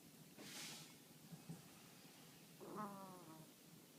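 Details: A tired sleeping puppy, Brownie, snoring: a soft breathy snort, then a brief, slightly whiny pitched snore.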